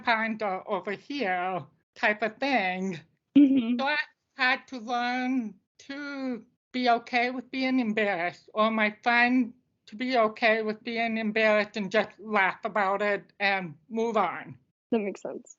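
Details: Deaf speech of an adult woman who uses a service dog.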